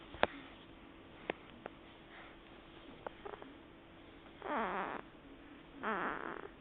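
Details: Two rough, fluttering snores about 1.5 seconds apart from a cat resting in its owner's lap, with faint clicks and quiet room noise between them: snoring.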